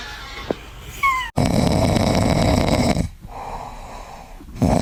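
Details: Cat snoring like a human while asleep: loud, rough rattling noise on each breath in, with brief quiet pauses between breaths.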